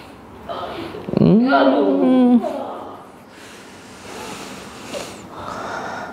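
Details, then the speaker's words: Man aged 60 with frozen shoulder for 4 months, sleepless from nightly pain, during manual MCO treatment: sharp gasp, then a strained, drawn-out moaning groan fading into quiet breathing; pain vocalization. "Sakit terlalu sakit banget, Pak. Sakit banget."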